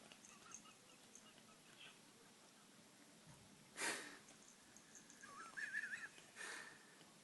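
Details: Cat sneezing repeatedly for one day, filmed before a vet visit, recovered afterwards: two short, sharp sneezes a few seconds apart with a faint squeaky tone between, quiet room.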